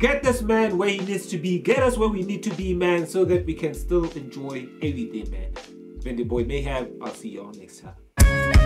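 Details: Adult male speaker; Normal voice.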